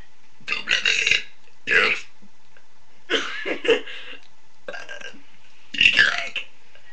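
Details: A woman burps five loud, drawn-out voiced belches in a row, some rough and croaky.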